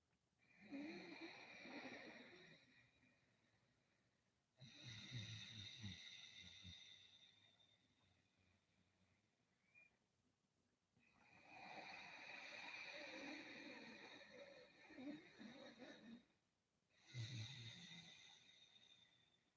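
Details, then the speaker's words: Deliberate, exaggerated snore-like throat breathing made on purpose during yoga (ujjayi breath): slow, rough breaths, an imitation of snoring. "you might be more comfortable experimenting here by as if you are as if you are snoring so start to see about making that sound so I'll do it with you and we can see what that's like together"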